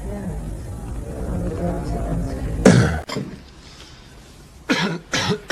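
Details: Adult man coughing repeatedly for over a minute; compilation of coughing.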